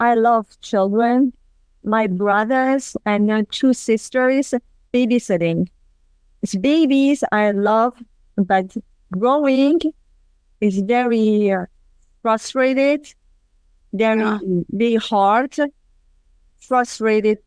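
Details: Non-fluent, agrammatic aphasia in a woman 27 years after a severe stroke with global aphasia and right-side paralysis; formerly spoke five languages, mute for about a year, still speaks in fragments.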